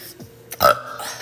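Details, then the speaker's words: Girl burping after drinking carbonated drink, reports heartburn, hiccup-like urge and can't stop burping: a single brief, low, croaking burp, faint music behind. "excuse me I literally can't stop I can't stop buring I'm sorry it's cuz I have heartburn"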